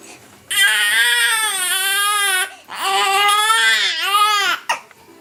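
Two long, loud, wailing infant cries with a strong pitch, separated by a short breath, in a small room.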